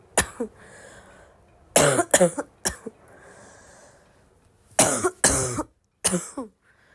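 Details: Girl, still sick, coughing a lot: repeated harsh, barking coughs, mostly in pairs, about eight in seven seconds, with quiet breathing between; coughing fit.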